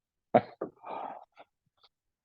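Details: Chronic cough.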